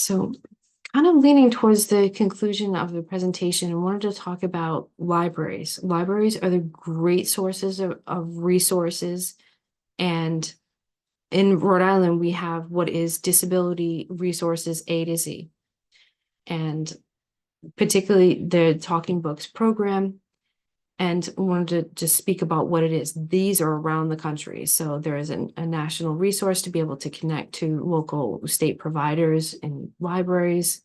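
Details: Adult woman speaking; normal speech.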